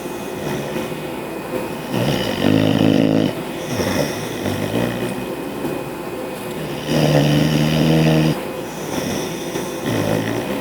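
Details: Sleeping bulldog with loud, rough rattling snores on each breath in, about 12 breaths a minute, window air conditioner in the background; snoring.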